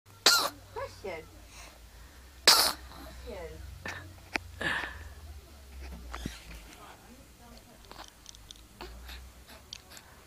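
Two sharp, explosive bursts of air a couple of seconds apart, with softer sniffs and breathy sounds between them, over a low hum: sneezes.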